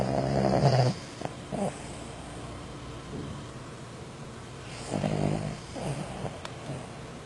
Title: How to stop anyone from snoring.